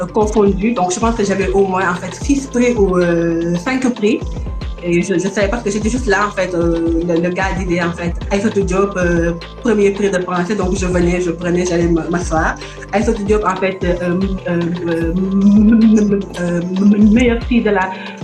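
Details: Stuttering in an adult woman from Senegal now living in France.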